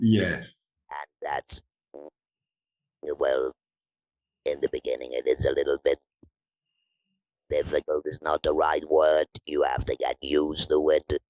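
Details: Adult woman from the Netherlands who has had laryngectomy surgery, leaving her with no natural voice, now speaking with an Inspiration electrolarynx; electrolarynx speech after laryngectomy.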